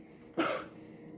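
One sharp, dry cough burst, an irritant cough after inhaled cinnamon powder.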